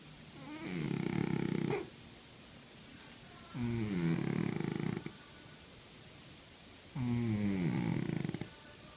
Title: Храп кота. Snoring cat. Глубокий сон кота. Животные.